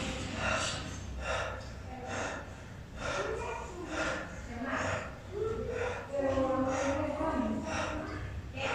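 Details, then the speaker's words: Rapid, heavy, noisy breaths in quick succession as the patient is asked to breathe as if tired during lung auscultation; deep breathing during lung auscultation. "y vemos al paciente que respire como cansado sí"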